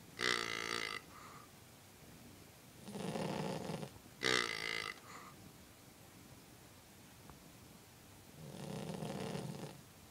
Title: Snoring Dog - King Charles Cavalier